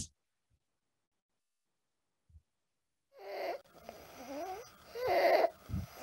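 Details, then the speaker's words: Harsh noisy breaths with a high-pitched musical tone in an acutely ill child, presented as a paediatric example of upper airway narrowing, infective or non-infective cause; high-pitched inspiratory stridor. "It's a high-pitched inspiratory stridor, right? This is a high-pitched inspiratory stridor, maybe due to an upper airway issue. It can be infective or non-infective, right?"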